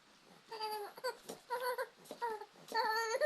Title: baby crying